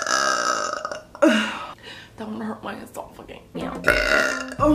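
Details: Several loud, drawn-out burps mixed with voiced talk; burping.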